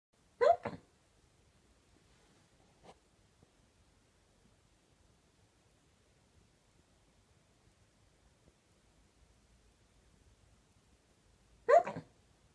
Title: Girlfriend Falls Asleep while Hiccuping!